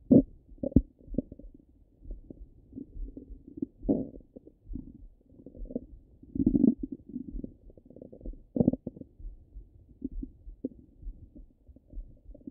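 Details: Ordinary active bowel sounds over the stomach: low gurgling and bubbling rumbles coming and going irregularly.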